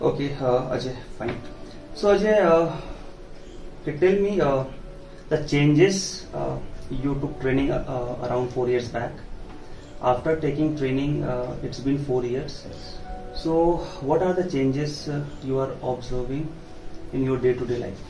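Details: Adult male speaker; typical speech.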